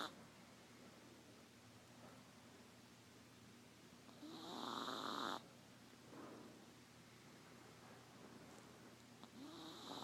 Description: Tonight we discovered that our 3 pound, apple head, teacup chihuahua snores like a trucker.